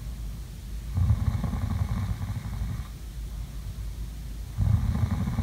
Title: ASMR| COME SLEEP WITH ME| SLEEPING SOUNDS| SNORING